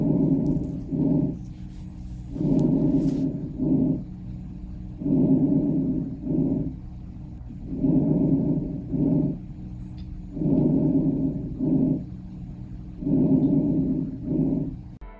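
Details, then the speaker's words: Normal vesicular breath sounds, heard over most of the lung surface: soft, low-pitched rustling, inspiration longer than the softer expiration, 3:1 ratio. "these are the most commonly auscultated breath sounds normally heard over most of the lung surface vesicular breathing has an inspiration or expiration ratio of three to one listen to an example of vesicular breath sounds"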